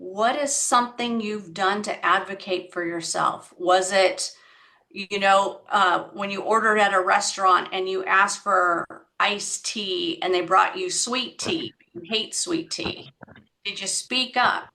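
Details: Adult woman speaking; typical speech.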